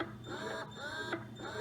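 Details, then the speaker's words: Ameda Purely Yours electric breast pump running at highest suction and lowest speed: quiet rhythmic motor whirring with rising and falling tones as it cycles suction. "and that's what it sounds like there and I like that you can you know totally choose what speed and suction works best for you which is very nice"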